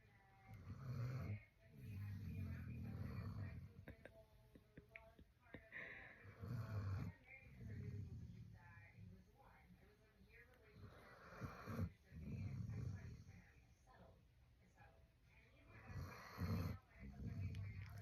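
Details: Neutered male dog sleeping, snoring for the first time his owner has heard; loud, rough, low-pitched breaths about 12 a minute, each a second or two long: steady snoring.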